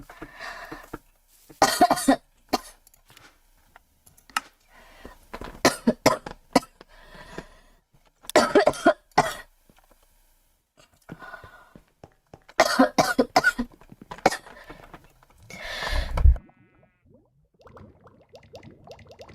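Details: Repeated bursts of harsh coughing in clusters with short pauses, quiet room noise between: a girl with a cold and a severe, persistent cough.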